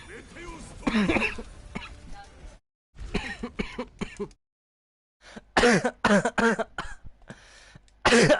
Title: hard coughing